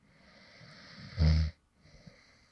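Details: Light snoring from an adult who really fell asleep mid-recording: a single soft, low rumbling breath during sleep against quiet room hiss.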